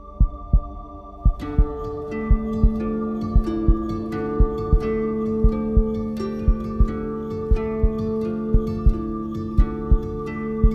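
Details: Simulated heartbeat sound effect: slow, steady deep thumps about 58 a minute under sustained epic instrumental music with partly female voices.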